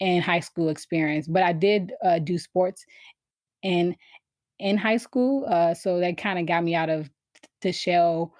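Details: Adult woman who has stuttered since she began speaking, around age four or five; stuttering.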